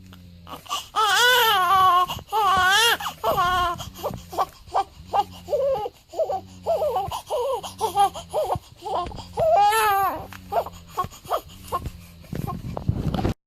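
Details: Day-7 newborn crying: rhythmic, high-pitched crying in repeated bursts with short breaths between, over a low steady background hum; infant cry.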